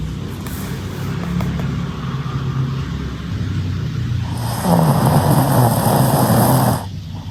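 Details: Shih Tzu dog snoring in sleep: low rumbling snore throughout, growing louder and rougher for a few seconds near the end.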